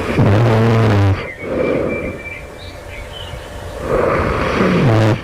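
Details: An adult snores very loudly right before waking at night, with harsh vibrating snores and a long quieter gap between breaths. The snorer wonders whether this is developing sleep apnea.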